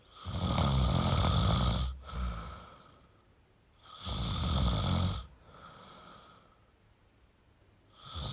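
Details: Male snoring: loud, low rattling snores on each breath in, with quieter breaths out between, about three snores in eight seconds.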